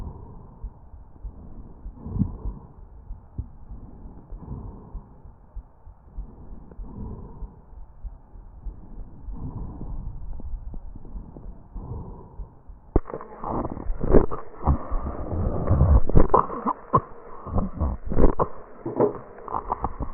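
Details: Tracheal crackles and rhonchi with cough, recorded from a real patient with an AccurSound electronic stethoscope.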